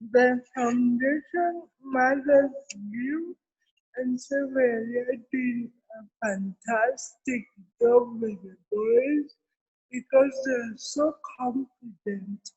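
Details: Adult woman with cerebral palsy present since birth, given extra time in an interview so she can be heard clearly; dysarthria (cerebral palsy).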